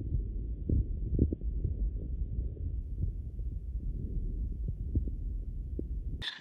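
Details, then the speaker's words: Faint, quiet breath sounds with regular thumps, recorded on a Littmann Core digital stethoscope while breathing through the nose, compared with mouth breathing, which makes the sounds easier to hear. "and here is a quick comparison of nasal"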